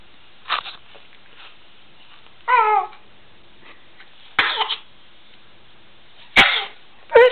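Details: Baby sneezing after being changed: several short, sharp bursts of air with brief voiced squeaks between them, in a small quiet room.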